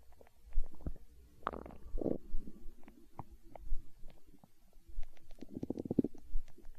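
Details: Stomach growling from hunger, with low gurgling rumbles and bubbling pops ending in a longer growl: borborygmi.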